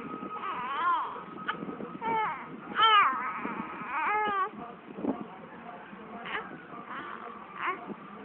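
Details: Intermittent rising and falling cries and whimpers from a baby girl, who later laughs, with an adult talking softly in the background; ordinary infant crying.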